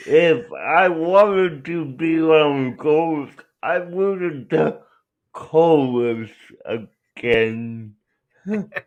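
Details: Adult male speaker; dysarthria (cerebral palsy).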